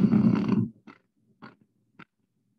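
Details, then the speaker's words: Needle EMG of myokymia: a long buzzing burst, then three brief bursts about half a second apart, grouped semi-rhythmic "marching" myokymic discharges. "here is the EMG of the myokinia you can see this plastic cell of the marching um style"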